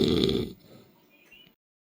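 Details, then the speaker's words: Sleeping man who had been drinking beer since morning: a single loud, low, rattling inhaled snore lasting about half a second, then quiet room noise; snoring. "तो दोस्तों, देखिए हमारे जीजाजी कैसे खर्राटे ले रहे हैं।"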